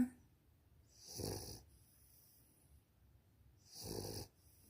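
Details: Victorian Bulldog puppy snoring while asleep: two rough, noisy breaths about two and a half seconds apart, each with a low rattle and hiss, in a quiet room.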